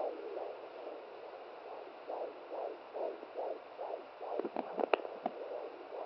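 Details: Rapid rhythmic whooshing fetal heartbeat at about 140 per minute on a handheld fetal Doppler at 17 weeks of pregnancy, the mother's first recording. It ends with knocks and scraping as the probe moves and falls over.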